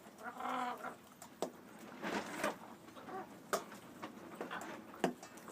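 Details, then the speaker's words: Short sharp coughs, sneeze-like snicks, gurgling and rattling from Brahma chickens amid clucking in a coop where respiratory illness is spreading; coughing in chickens. "here is the coop that that chicken came out of can you hear the gurgling and the rattling we've got coughing here it"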